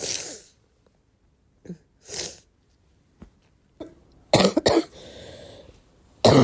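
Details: Coughing fit on waking, described as a barking cough in a girl: several harsh coughs of varying strength with pauses between, in a small quiet room.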